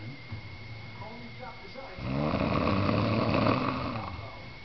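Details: Adult man snoring while asleep on a couch: a loud, rough, rattling snore builds on one drawn-in breath after a quieter stretch; ordinary snoring.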